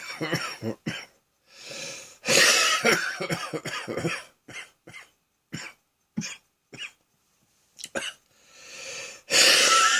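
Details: Afternoon productive cough with wheezing: repeated harsh, chesty coughs in clusters with throat clearing and long, noisy drawn-in breaths between bursts.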